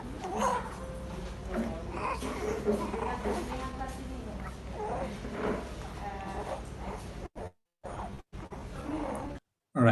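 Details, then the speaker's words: Harsh, high-pitched breath noise over room noise in a 3-month-old infant with croup, with some recession and slightly fast breathing but otherwise well: stridor from turbulent flow through a partially obstructed large airway. "so this is a stride it's a very high-pitched sound and it's produced because of turbulent flow through a partially obstructed large airway"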